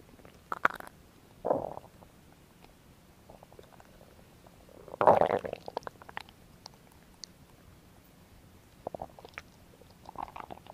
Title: ASMR | Stomach growing | Belly noises | asmr no talking | Stomach Sounds